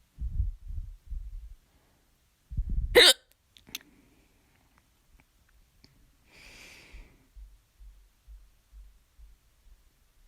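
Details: Loud second bout of hiccups, despite drinking water and holding breath: a sharp, loud hiccup among low thumping noises and quiet pauses.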